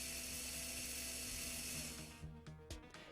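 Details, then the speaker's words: Slow-speed Bien-Air electric dental handpiece, speed range 100 to 40,000 RPM, running with a high steady motor whine that fades out to a few handling knocks. "The slow-speed handpiece attachment has a speed range of 100 RPM to 40,000 RPM."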